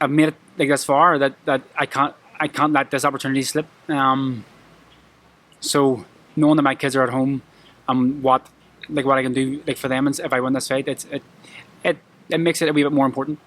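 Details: Adult male professional boxer with a lifelong stammer he struggles with every day; it triggers anxiety at press conferences. Finding: stuttering.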